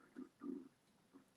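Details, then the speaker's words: Three low gurgling rumbles over about a second from an empty stomach after skipping breakfast, heard during a makeup livestream; stomach growling (borborygmi). "My tummy is growling today. I didn't have any breakfast and I'm going to fill it in. It is growling my tummy."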